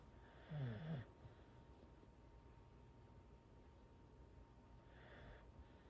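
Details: Corgi snoring while asleep on the owner's legs.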